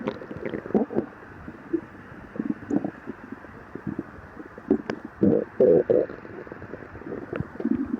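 Irregular low gurgling and rumbling bursts from the belly, typical stomach growling from gut movement of gas and fluid.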